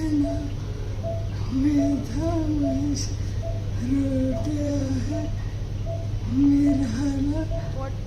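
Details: Patient recording with breathy voice, hypernasality and slurred speech, judged to point to dysarthria rather than vocal fold paralysis, with neurology consultation and a search for other cranial nerve palsies advised: dysarthria with hypernasal, breathy voice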